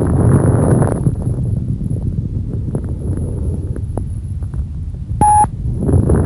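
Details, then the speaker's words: Fine, high-frequency crackles by chest auscultation: brief, sharp popping clicks over muffled breath noise. "ακούστε τώρα τους λεπτούς τρίζοντες υψηλής συχνότητας"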